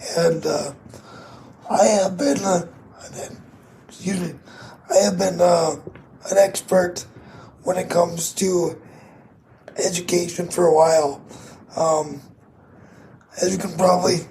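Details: 22-year-old man with cerebral palsy affecting his muscles, muscle tightness making talking harder, effect audible in his voice; dysarthria (cerebral palsy).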